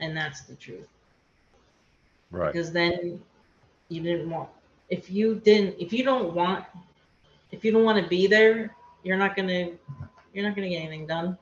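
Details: Aphasia in a woman after a hemorrhagic stroke; she could not talk for two years after the stroke and still has word-finding difficulty.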